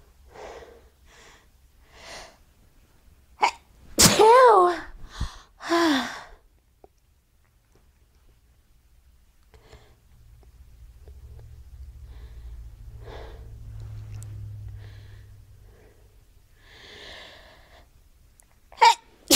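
A sharp inhaled gasp leads into a loud explosive sneeze, with a few fainter bursts and quiet room noise around it.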